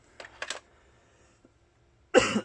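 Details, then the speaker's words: Adult who says he is really sick, in a quiet room: two faint short bursts, then after a pause one loud, harsh cough. "And I apologize again for the cough. Unfortunately, as you can hear, I'm really sick, but the guys need to do something urgently."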